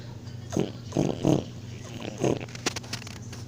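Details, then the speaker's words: A sleeping boy, filmed around 1 a.m. by a girl who couldn't sleep, gives short, rough, low snorting grunts in a few quick bursts over a steady background hum: snoring. "Okay, it's time for you can hear him snore, and once if he stops snoring, you can watch TV for a little bit."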